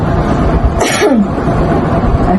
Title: How to do coughing exercise?